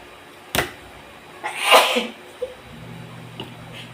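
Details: Person sneezing while cooking: a single loud, breathy sneeze after a sharp intake, with faint room noise.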